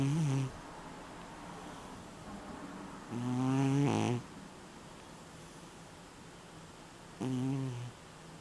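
Three low snores in about eight seconds, regular and rumbling, with quiet gaps between breaths: snoring at roughly 16 breaths a minute.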